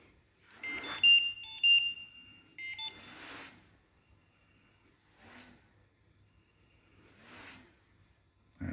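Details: Trilogy 202 NIV ventilator: electronic alarm beeps because the patient missed a breath, then quiet hissing puffs of delivered air.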